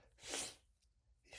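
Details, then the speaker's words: Male sneezing fit, trying to stop sneezes with a finger under the nose: a single forceful, hissing sneeze burst, then a brief breath and the start of another sharp intake. "Going to sneeze. Oh, no. Here comes another sneeze. God damn sneezes."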